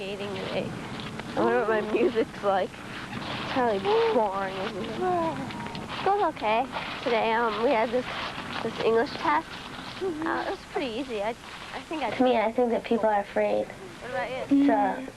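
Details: Child; normal speech.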